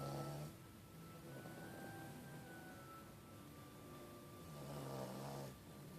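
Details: Two rough, rattling snores a few seconds apart from a sleeping shih tzu, over a faint steady background hum; snoring.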